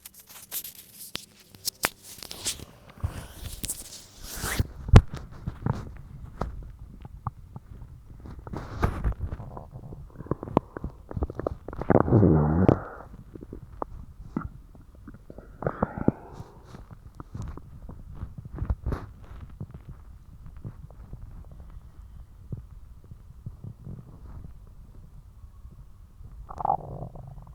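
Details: Irregular low gurgles and squeaky rumbles from the belly (borborygmi), heard after eating spicy ramen.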